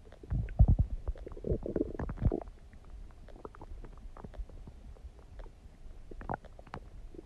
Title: Tummy Gurgling Sound | My stomach makes noises